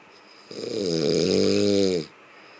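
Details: Sleeping person snoring: one long, loud, rattling snore during an in-breath, with a steady buzzing tone, in a quiet room.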